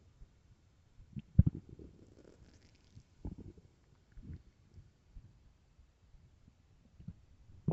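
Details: Scattered deep, loud rumbles and gurgles separated by quiet stretches; stomach growling from an extremely empty, starving stomach, a normal hunger sound (borborygmi).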